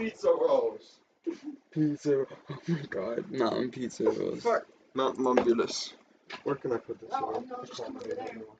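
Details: Person who says they have Tourette syndrome; frequent censored interjections likely vocal tics, possibly coprolalia, during ordinary speech: vocal tics (Tourette syndrome)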